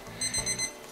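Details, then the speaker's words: Tabtime Super 8 daily pill timer for Parkinson's patients: rapid high-pitched electronic beeps in short bursts, an audible medication reminder alarm that stops after 30 seconds, with a red flashing light on the lid. "you'll hear the audio alarm and see the red flashing light on the lid the red flashing light on the lid is a m dose reminder to help remind you to take your tempet"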